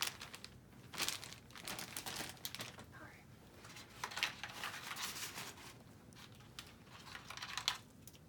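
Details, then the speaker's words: Sterile paper surgical drape peeled open and unfolded over the right neck site, after skin cleaning, before an interscalene block for rotator cuff repair in an anesthetized man: crinkling, tearing paper rustles in a small room. "So I peel this off, drop it over the site where I anticipate going in, and go ahead and open that up."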